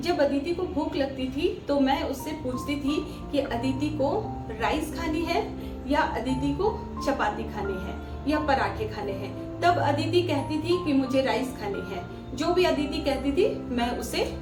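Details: Adult woman; Plain speech.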